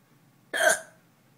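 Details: A single abrupt, squeaky hiccup in quiet surroundings; hiccups.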